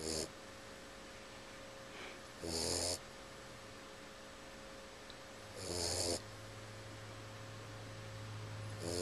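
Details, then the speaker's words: Boxer puppy asleep and snoring: short, low, rumbling snores every three to four seconds over a steady hum of room noise. "V you're snoring what are you doing you're snoring"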